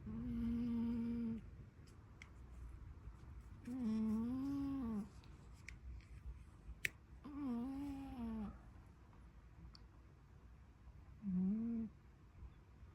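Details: Snoring in a cat: tonal, whistling snore sounds recurring with each breath, about 17 a minute, in a quiet room.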